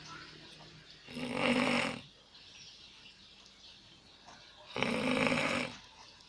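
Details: Ordinary snoring: two loud rasping snores on the in-breath, roughly four seconds apart, with quiet breathing between.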